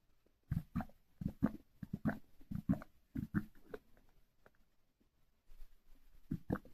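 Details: Loud stomach growling: irregular low gurgling bursts and rumbles from the belly with short pauses, from gas moving through the gut.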